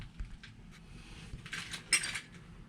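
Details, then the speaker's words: Light metallic taps and brief bright ring as a tuning fork is struck before a Weber test for unilateral hearing loss during a head, ears, eyes, nose and throat physical examination. "I'm going to vibrate a tuning fork, and I'm going to do, first we're going to do the Weber test."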